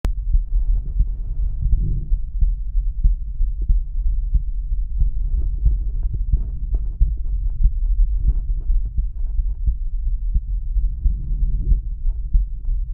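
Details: Male's own heart auscultated with a stethoscope diaphragm at the aortic area: low, repeated heartbeat thumps with steady low rumbling noise.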